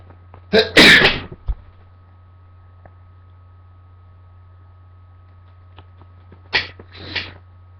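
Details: Person sneezing a lot after waking congested, with Q-tips at hand and noting bright light sometimes triggers sneezes: two loud, sharp sneezes a few seconds apart, each with a quick breath before it.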